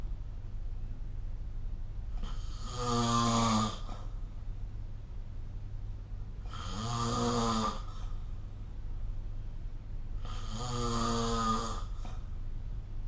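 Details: Snoring recorded during sleep with the SnoreLab phone app: three loud buzzing snores about every four seconds, roughly 14 breaths a minute, over low background hum.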